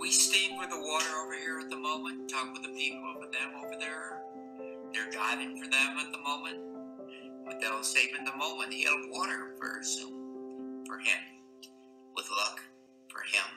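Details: Wernicke's (fluent, receptive) aphasia from damage to Wernicke's area in the left posterior superior temporal gyrus.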